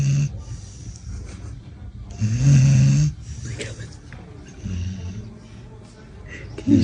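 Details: Pit bull puppy sleeping nose up with mouth open gives low snorting snores with a brief clearer snore over background room noise; puppy snoring a little.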